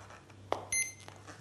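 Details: Legacy PCA morphine pump being unlocked via the lock function: a short key click, then a single high electronic beep as the Enter key is pressed. Normal keypad confirmation tone.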